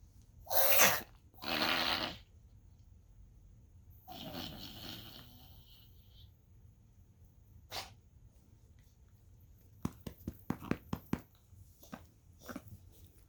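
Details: A dog gives two harsh, explosive coughs, then a softer breathy hack with snorting and clicking; coughing.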